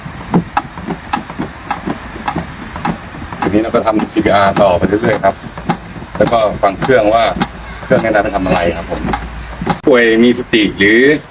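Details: Regular sharp AED metronome clicks pacing chest compressions at about 100–120 per minute, with spoken device prompts, during a CPR and AED training demonstration by a national park rescue centre in Thailand.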